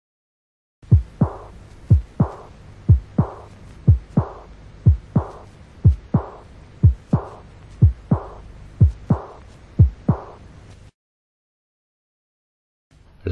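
Regular heartbeat at about 60 a minute, each sharp beat trailed by a soft, fading blowing sound: an aortic regurgitation diastolic murmur with a weakened second heart sound.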